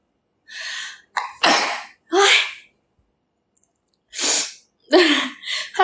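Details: Thai girl sneezing: repeated sharp sneezes, several in a few seconds, each a sudden forceful burst of air after a short intake; a bout of sneezing.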